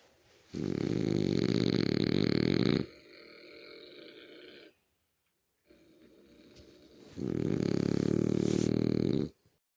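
A sleeping dog snores in two long, rattling breaths, with softer, quieter breathing between them.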